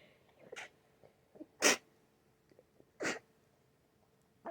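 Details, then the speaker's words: Two sharp, explosive sneezes with faint sniffing and breaths between, from a sick adult with an itchy, runny, snotty nose and ears needing to pop; repeated sneezing. "My nose is so itchy. So itchy right now. I'm gonna sneeze again."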